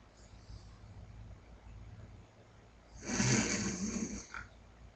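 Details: Young boy asleep on a chair, possibly having a bad dream: after quiet room noise, one loud, rough, rattling snore on inhalation, then fading back to quiet. Snoring.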